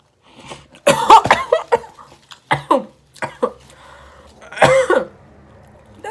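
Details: Repeated harsh, forceful coughs in clusters with gasping breaths from a hoarse-voiced person choking while eating a Taco Bell quesarito during an eating show, as when food goes down the wrong way.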